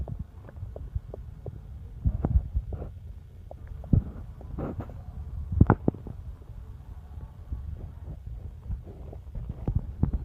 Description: Just noises from my belly.